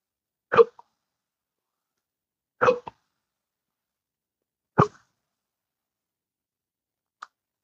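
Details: Intractable hiccups in an adult man, unresponsive to current treatments: abrupt, sudden gulping hiccups roughly every two seconds in a quiet room, persisting without settling.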